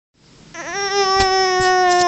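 A single sustained, high-pitched wailing cry from an infant, rising and then holding steady.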